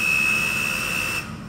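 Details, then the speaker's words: Hamilton T1 ventilator pre-use check, flow sensor flipped for calibration with its membrane moving: steady hissing airflow with high-pitched tone, normal flow sensor calibration airflow. "咁其實呢個 test 咧就 cal flow sensor 啦 ，cal 藍色呢一嚿，佢裡面咧有一塊透明嘅三角形 membrane 咧，咁就喺度擺動佢 cal flow 啦。"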